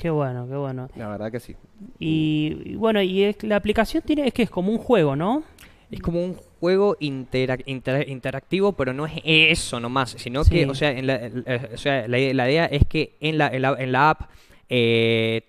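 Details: Young Spanish-speaking man from San Juan, Argentina, who co-created an app for people who stutter, speaking spontaneously in a broadcast interview. Stuttering.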